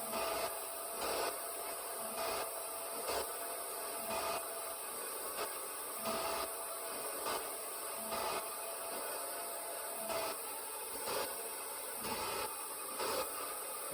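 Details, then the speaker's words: RespiraWorks ventilator test, not a patient, ambient-air blower mode at FiO2 21%, respiratory rate stepped from 20 up to 30 breaths per minute; steady hum with rhythmic hiss and click about every two seconds: mechanical ventilator cycling. ""20 breaths per minute. Again, the settings are applied at the start of the next breathing cycle. Okay, going up to 30 breaths per minute."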